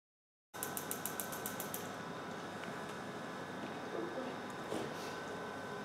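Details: Focused shockwave therapy device treating a dog with osteoarthritis, part of a 6-week weekly course: rapid regular clicking pulses at the start over a steady machine hum.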